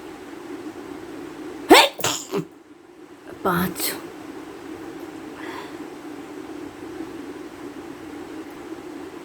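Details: Two sharp, explosive sneezes, each a quick inhale then burst of air, over steady room hum, during a sneezing challenge with nose blowing; sneeze.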